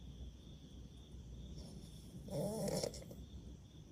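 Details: Person snoring: a single rough, buzzing snore over low background hum.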